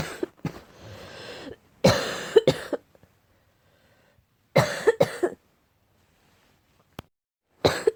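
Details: Several harsh, abrupt coughs in short bursts with quiet gaps; dry barking cough attributed to cat allergy.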